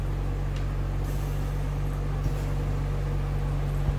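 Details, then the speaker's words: 10 LPM dual-flow medical-grade oxygen concentrator just powered on, its compressor running with a steady low mechanical hum and drone. "yeah you'll see the power on and immediately you can start the compressor uh you can see the sound and once it is on immediately start taking oxygen the outlet should start coming"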